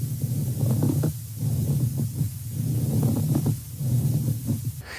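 Low, rough creaking and grating bursts recur with each breath over a muffled stethoscope background, a pleural friction rub.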